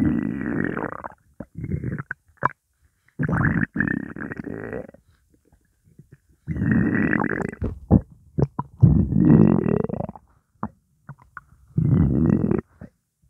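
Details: Hunger bowel sounds, stomach said to contain only water: loud low gurgling rumbles in long bursts with short pops between; normal stomach growling from hunger.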